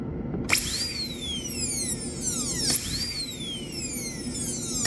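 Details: High-pitched high-speed handpiece whine with falling pitch sweeps over faint room noise and soft music, rounding corners of a class II DO amalgam preparation on a maxillary first premolar, a bench exercise.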